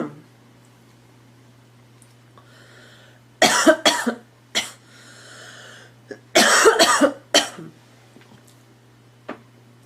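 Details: Girl coughing: two clusters of sharp coughs, about five in all, with short breaths between, over a faint steady hum in a quiet room.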